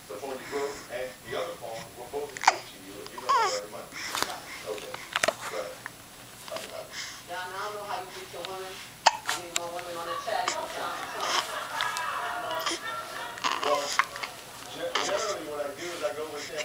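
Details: Baby: several sharp, abrupt hiccup clicks break into babbling and laughter, with television speech in the background; infant hiccups.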